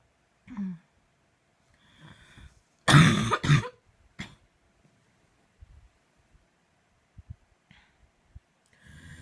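A quiet room, then a short cluster of loud harsh coughs with a throat clear, followed by faint breathing and small noises: a night-time coughing fit.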